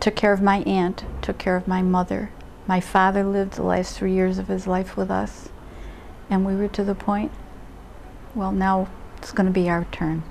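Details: Adult speaker, likely female; ordinary speech.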